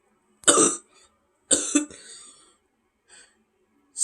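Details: Two short, harsh coughs, the second trailing into a rasping throat clear, then a faint breath; nearby speech mentions feeling a little sick.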